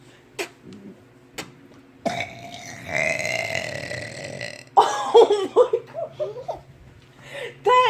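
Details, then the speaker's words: A child's long, loud, rumbling burp lasting several seconds, followed by laughter; ordinary belching. "amazing okay nobody's ever seen a kid burp like this kid has like some kind of talent"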